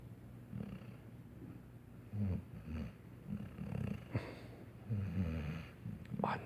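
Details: Saint Bernard puppy asleep: low, rumbling breathing noises in uneven bursts over faint background hiss: snoring.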